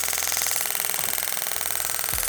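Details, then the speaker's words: Radial shockwave therapy with a handheld compressed-air device over cold lotion, moved around the treatment area; patient rates it 5/10, feels like little electric pulses; rapid, steady buzzing stream of pulses; radial shockwave therapy device. "might be a bit loud but the machine is delivering pulses of compressed air and sound waves but the patient is going to interpret it as electrical impulses"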